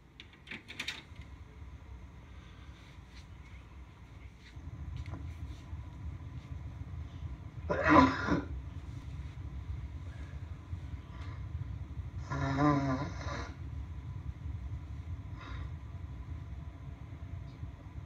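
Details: Person with a head cold: two loud, sudden, honking sneeze bursts a few seconds apart.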